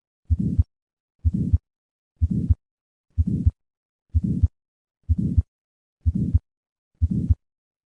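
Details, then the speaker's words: Innocent systolic murmur from turbulence across a normal aortic or pulmonic valve, no heart disease: diamond-shaped, peaking early in systole, added after three normal beats, unlike late-peaking aortic stenosis. "these murmurs are diamond shaped like aortic stenosis but with practice most clinicians can reliably recognize an innocent murmur by its early peaking and distinguish it from a late peaking murmur of aortic stenosis"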